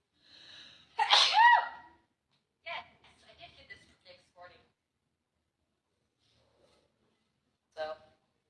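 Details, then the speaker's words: Woman livestreaming gives a single loud sneeze, then a few soft spoken words; quiet room; sneeze. "Oh my god. I'm sorry, I cannot stop sneezing."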